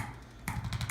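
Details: Quick, sharp clicking taps from a spring-loaded chiropractic adjusting instrument decompressing spinal joints, patient lying face down; woman with headaches, trigger points and tight upper-neck muscles; low room hum underneath.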